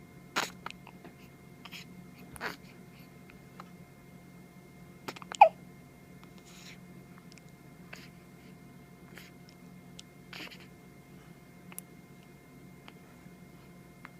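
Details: Isaiah, a 9-day-old infant, with hiccups: several brief, sharp catches of breath at irregular intervals, about six in fourteen seconds, in a quiet room.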